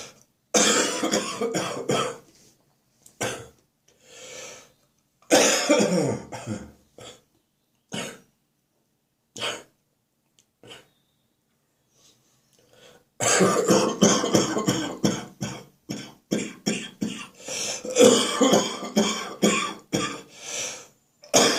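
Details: Deep, wet cough stuck in the chest during a spring cold: repeated chesty coughs in clusters with short pauses and throat clearing between bouts; wet productive cough.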